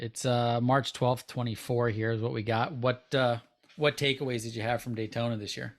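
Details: Adult man speaking; ordinary speech.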